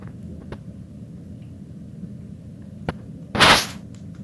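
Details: One short, sharp, hissing sneeze from a guinea pig, with a few faint clicks against quiet room noise; the guinea pig sneezes randomly around his cage; sneeze.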